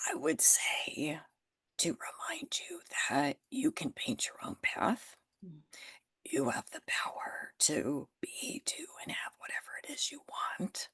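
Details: Adult woman with spasmodic dysphonia that developed from stress after starting her business; she is managing it naturally without Botox and says it is still audible in her voice.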